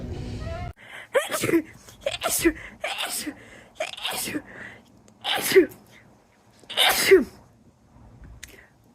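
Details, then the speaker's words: Six rapid sneezes, each a sharp inhaled catch then an explosive burst, with brief gasps between; a sneezing attack that began while making coffee, not attributed to allergy. "That was me making my coffee and I started sneezing. Nope, I'm not allergic to coffee. Just having a sneezing attack."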